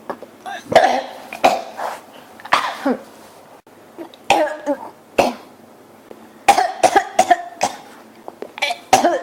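About a dozen dry coughs in quick bouts, with brief throat-clearing between them: a persistent, repetitive cough.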